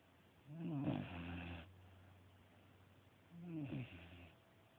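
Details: Dog snoring: two soft, low rumbling snores on breathing in, with quiet pauses between.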